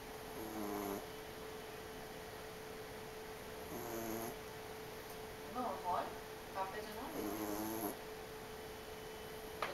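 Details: Several soft, rough, buzzing snoring breaths from two sleepers, with pauses between them over a steady background hum.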